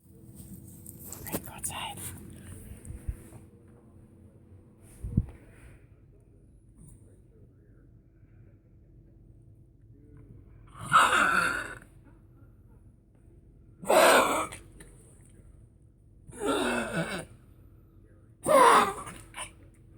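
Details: Four short, harsh cough bursts spaced seconds apart, after quiet rustling in a small room, from a woman on first waking in the morning; cardiologist found no heart problems; she has very high blood pressure under treatment: cough.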